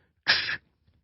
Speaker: it doesn't want to close it begins right after S1 it passes through S1